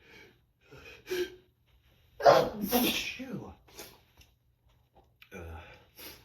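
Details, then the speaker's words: Adult having powerful full-body sneezing fits all day: forceful sneezes with sharp indrawn gasps between them, in a long run of repeated sneezing. "These sneezes are just rocking my whole body. Wow, these are so powerful."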